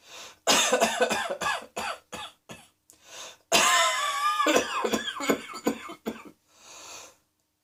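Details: Coughing.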